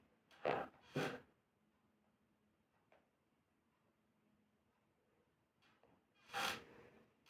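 Three short, sharp bursts of air in a quiet room, two close together and one after a pause, consistent with sneezes.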